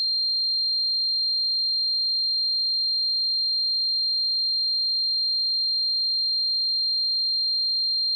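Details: A steady, high-pitched pure tone rings unchanged throughout with no other sound: a sound-effect simulation of tinnitus ringing.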